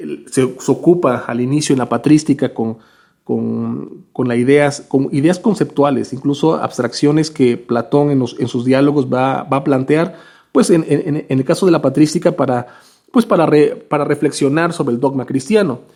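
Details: Stuttering with word repetitions in a male Spanish speaker who stutters.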